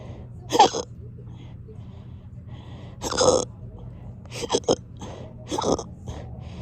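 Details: Hiccups persisting for hours: short, abrupt, jerky voiced bursts repeating irregularly over a few seconds against a quiet room hum, forceful hiccups.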